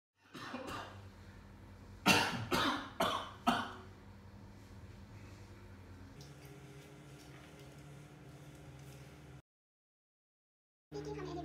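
An adult gives a brief throat clear, then a run of four harsh, forceful coughs.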